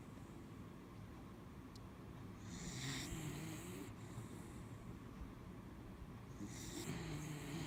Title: Mishti snoring- part 3